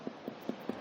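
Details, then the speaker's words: Tympanic percussion note in a patient with ascites during a shifting dullness test: after turning onto one side and waiting about 15 seconds, four hollow resonant taps over the non-dependent flank, previously dull, now tympanic as fluid has shifted down. "has again become tympanic that indicates that whatever fluid was here it has gone down"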